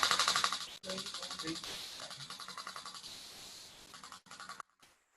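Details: Radial shockwave therapy device applied to upper limb areas during a practical session: rapid hissing, tapping pulses about four per second with brief pauses.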